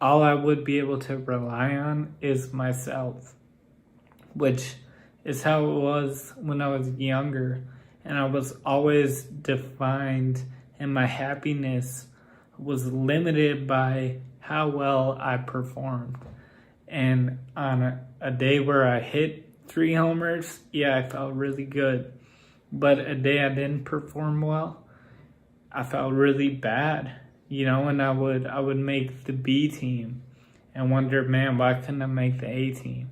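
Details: Ataxic dysarthria in an adult man with Friedreich's ataxia whose speech has grown progressively more impaired.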